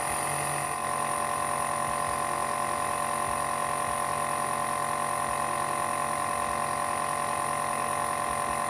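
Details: Adult with asthma and allergies using an Omron nebulizer with a mask at home: the running compressor gives a steady mechanical hum with fast, even buzzing pulses.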